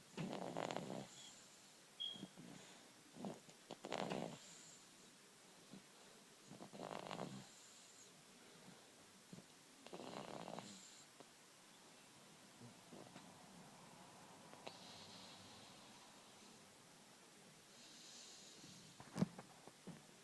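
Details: Snoring during sleep: rough, snorting snores on each breath, about every three seconds early on, then softer breathing.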